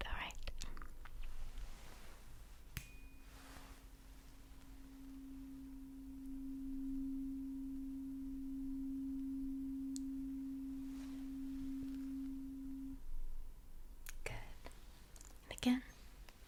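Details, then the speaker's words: A struck tuning fork rings a steady low hum for about ten seconds, then fades, during a simulated hearing test in a roleplay cranial nerve exam, with the patient's eyes closed; no abnormality found. "I'm going to strike the tuning fork, and you just let me know when you can no longer"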